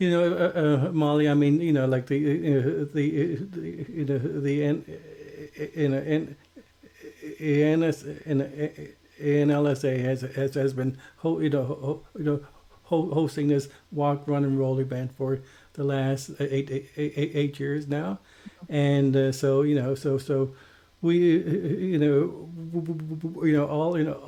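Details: Stuttering in a male podcast co-host who identifies himself as a person who stutters.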